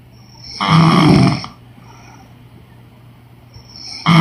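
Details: Woman snoring during sleep: a loud rattling snore on the in-breath, a quiet pause, then the next snore beginning.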